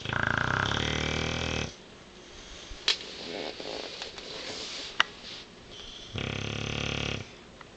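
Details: Tank, a sleeping bulldog: a loud rattling snore, a pause of quiet breathing, then another long rough snore; snoring.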